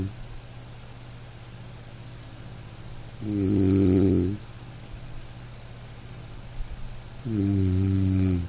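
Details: Man snoring in deep sleep: deep, loud, buzzing snores on each in-breath, about 15 a minute, with quiet pauses between; heavy snoring.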